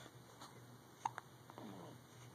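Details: 16-day-old newborn boy with hiccups, alert: two brief, sharp clicking gulps in a quiet room.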